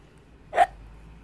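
A single abrupt, voiced hiccup, a short sharp catch of breath.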